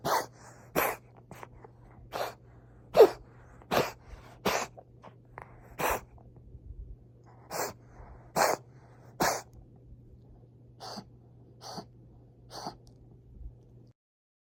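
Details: A 7-month-old cat, coughing since last month and now on medication, gives about fifteen short, harsh, dry bursts with quiet pauses; after x-rays the vet said heart failure or asthma: cough.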